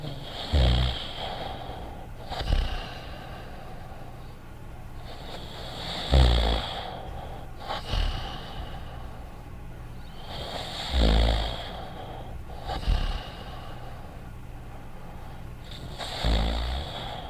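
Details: Simulated cartoon snoring of a dog character snoring quietly: slow rhythmic snorting inhalations with quiet exhales, about 12 breaths a minute.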